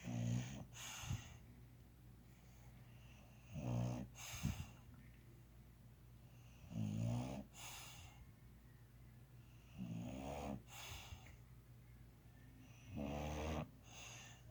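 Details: Rattling snores on each breath in, about 18 breaths a minute, in a quiet room; snoring.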